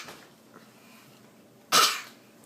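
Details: A single short, forceful voluntary cough from a child, deliberately produced to get a cough drop.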